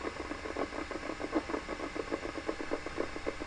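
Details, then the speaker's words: Needle EMG loudspeaker audio of insertional activity on a Natus Synergy system, shown as cascades at 50 microvolts per division; abductor pollicis brevis selected; signals auto-acquired. "So, this is going to be my insertional activity. And here are the cascades. I'm using a complex one display insertional activity that says using 50 microvolts per division."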